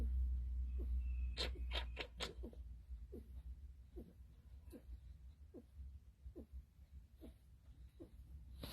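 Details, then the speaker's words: A goat (her) with a cold gives noisy, snuffling breaths through a blocked nose in regular short bursts over low rumble; stuffy-nose congestion, not lung sounds. "so that's just from a stuffy nose from the cold so as she's breathing you hear the stuffiness coming through her nose okay that's not her lungs that's not the lungs"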